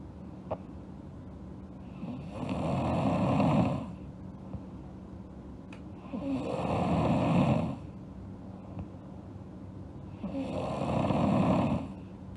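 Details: Girl asleep, snoring: steady rhythmic snores about 15 breaths a minute, rough and rattling on each in-breath.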